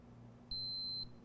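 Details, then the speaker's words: A single steady half-second beep from a glucose meter as the strip wicks up a drop of blood from a cat during a blood glucose check, signalling it will take the reading. "you hear a beep and then it lets it read and then i like to have a cotton swab ready just to put pressure to that spot and hold it lightly"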